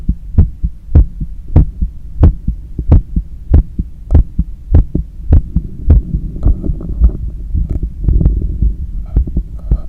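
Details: Visible neck veins and pulse with breathing and heart sounds on auscultation during cool-down after a long run; normal heart sounds after exercise.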